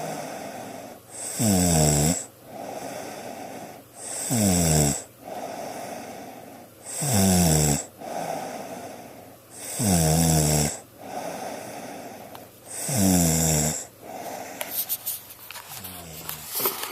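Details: Loud, rattling snores on each in-breath, about every three seconds (roughly 20 a minute), with quieter breathing between; recorded with a Flip Video camcorder at 9:19 on a Sunday.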